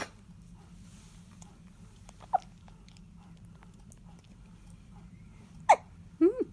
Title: Baby hiccups